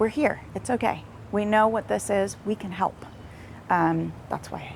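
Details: Adult woman speaking; typical speech.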